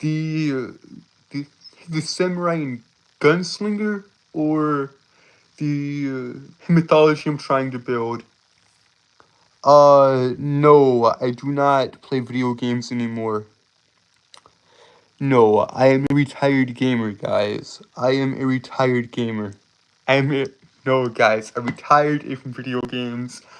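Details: Stuttering, self-reported speech impediment causing stuttering and tripping over words.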